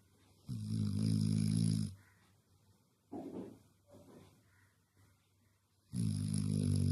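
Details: A sleeping female dog gives loud, low, buzzing snores about a second long, separated by quiet breathing and soft snuffles: snoring.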